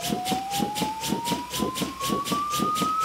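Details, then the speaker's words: Steadily rising charging tone from a corpuls3 defibrillator charging in manual mode after a shockable rhythm is seen, over rhythmic corpuls cpr mechanical chest compressions, in a simulated resuscitation training scenario. "I will start again and load."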